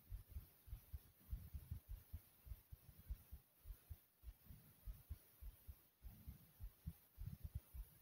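Muffled, low thumps repeating at about 100 a minute, slightly uneven, with faint background hum; a heartbeat heard through the chest.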